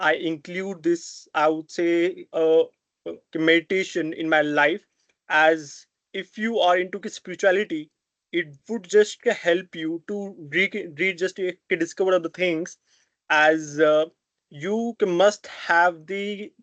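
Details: Stuttering in an adult man who has stammered since childhood.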